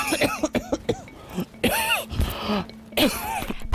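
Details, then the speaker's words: Several short throat-clearing coughs then harsher cough bursts from an adult, coughing frequently before sleep, during the night and on waking with a dry throat; indoor fine dust suspected. "밤새 기침 때문에 잠을 이루지 못하고 간신히 아침을 맞이한 씨."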